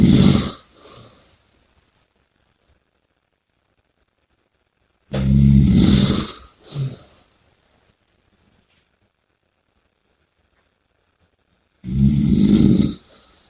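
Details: Heavy snoring: loud, rough snores on the in-breath about five seconds apart, with silent pauses between them.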